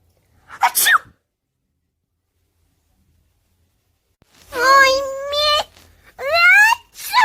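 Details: Sick child gives a sharp sneeze, then after a pause makes loud voiced sneezing sounds in a quiet room; repeated sneezing.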